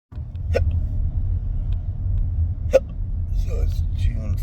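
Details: Person hiccuping while driving, finding it hard to speak, with no burps: two abrupt, short hiccup sounds a couple of seconds apart over steady car road rumble; hiccups.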